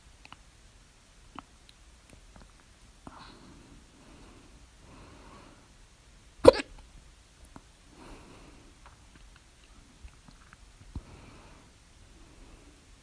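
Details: Hiccups at 3:04 A.M. after overeating at dinner, recorded with the mouth alternately closed and open; the very loud hiccup is with the mouth open. Quiet breathing and small clicks, then one sharp loud hiccup and fainter ones.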